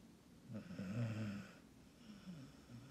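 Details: A dog in a deep sleep snores with one loud, rumbling breath in and a softer breath after it.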